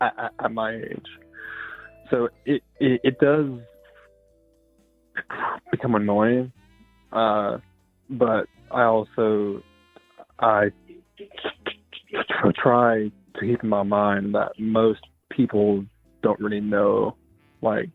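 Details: Adult female caller with a self-reported speech impediment of unnamed type; disfluent speech.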